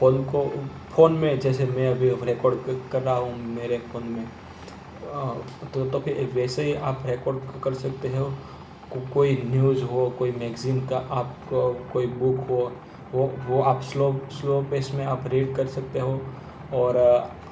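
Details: Man who stammers, speaking Hindi while practising the slow speech technique for stammering. Finding: stuttering.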